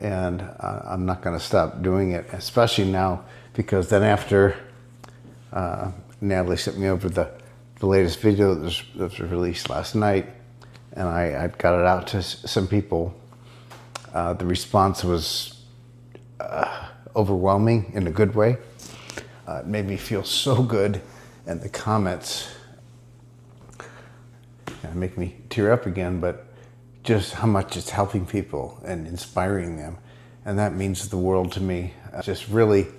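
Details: Adult man speaking; dysarthria in multiple system atrophy.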